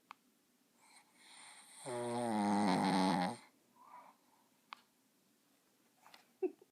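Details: A single loud, buzzing snore from a sleeping puppy, with faint breathing and small noises in a quiet room; puppy snoring.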